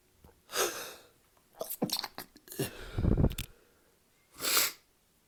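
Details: Adult sneezing fit, said to follow drinking alcohol, often for no reason: several forceful sneezes in quick succession with snorting breaths between them.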